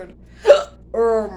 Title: Hiccups!! a owwwwwww!! #6